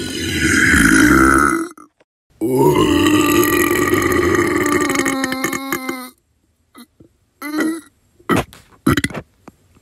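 Two long, loud, voiced belches, then several short burps with gaps between them; ordinary burping.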